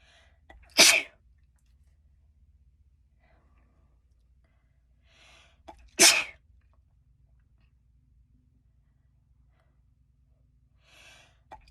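Two sharp, explosive sneezes about five seconds apart, each with a short breath beforehand, in a quiet room. Ordinary sneezes.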